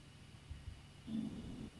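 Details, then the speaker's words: Sleeping bulldog (owner has an English bulldog and an Old English Bulldog) snoring: a low, rattling snort-like snore about half a second long after two faint soft thumps. "plus you know can you hear my dog snoring I think I can"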